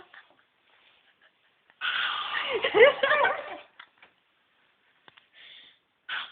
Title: su tos de perro!